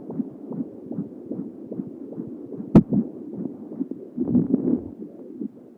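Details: Fetal heartbeat of a girl at 31 weeks of pregnancy on Doppler, with hiccups and kicks recorded: rapid, whooshing pulses with one sharp knock and some shifting movement noise.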